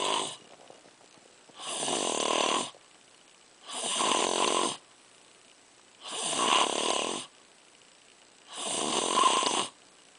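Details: Steady, regular rasping snores at about twelve breaths a minute. Each lasts roughly a second, with quiet pauses between; ordinary snoring.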